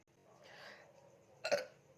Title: Burping Challenge With Coca Cola || Real Burping Sounds || 😋